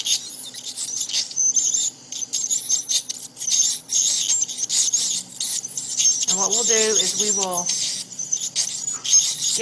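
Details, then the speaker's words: High, hissing whine of a water-cooled ultrasonic scaler running in bursts with water spray, with a brief squeal midway, as calculus is scaled from the teeth of a sedated dog during dental cleaning. "it uses water because this tip can get really hot and the water kind of helps keep it cool so that we don't do any damage too"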